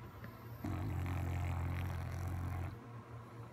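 One loud, low, rattling snore lasting about two seconds, with a fluttering buzz. Snoring.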